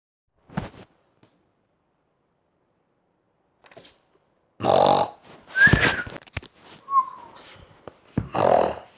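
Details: Simulated cartoon snoring sound effect, not a real breath sound: short snorting bursts and a whistling exhale with quiet gaps.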